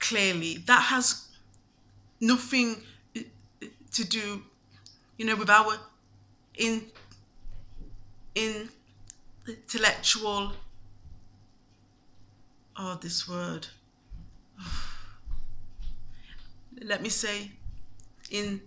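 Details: Adult woman who stammers, told by another lawyer she should not pursue a law career with a stammer; frequent pauses between short phrases; stuttering.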